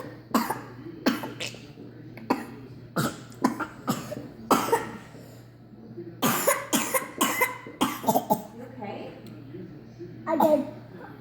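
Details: A boy gives a run of short, sharp coughs, some clustered, after eating cold jello, with other voices nearby.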